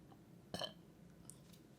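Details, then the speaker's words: One short, low belch in a quiet room, then a faint second sound; a burp after Botox treatment for retrograde cricopharyngeus dysfunction (inability to burp), talking prompting the burps. "we go another one another one see talking makes you burp you"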